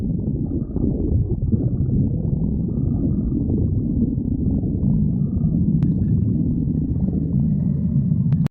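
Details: Stomach growling: continuous low rumbling and gurgling from the abdomen, ordinary borborygmi.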